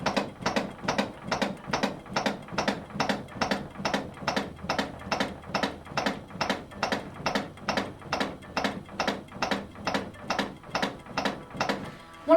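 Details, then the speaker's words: Regular clicks at about 120 per minute from CPR chest compressions on a feedback training mannequin: hands interlinked at the centre of the chest between the nipple line, about 5–6 cm deep. Each click confirms an effective compression. "advantages of using a mannequin is that you can hear that click so you know if you're making effective chest compressions"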